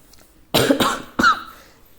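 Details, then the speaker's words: Adult with a bad cold, coarse cough and a fever that has since subsided: three short, harsh cough bursts in quick succession in a quiet room. "నేను కొంచెం బాగా జలుబుతో ఇబ్బంది పడుతున్నాను. Course దగ్గు కూడా ఉంది."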